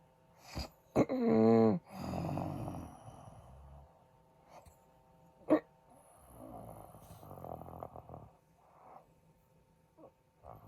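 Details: Husband's actual sleep recording: loud rattling snores, then quiet stretches with only faint breaths before snoring resumes. Snoring with breathing pauses; sleep apnea is suspected.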